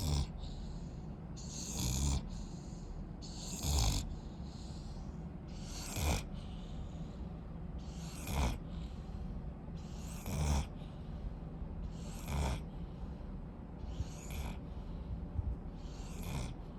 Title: Rottweiler Puppy Snoring